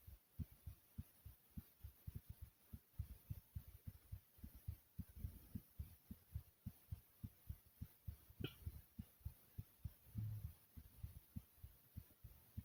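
Strong, steady low thumps of a heartbeat in paired beats, loud and pounding.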